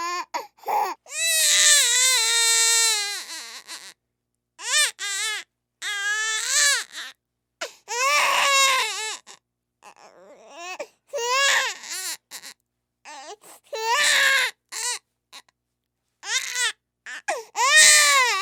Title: Sound of Crying Baby